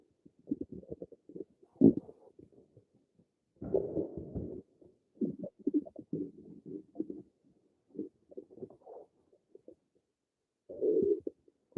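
Irregular gurgling, bubbling rumbles in short bursts with a few longer growls and quiet gaps, typical of ordinary bowel sounds (stomach rumbling).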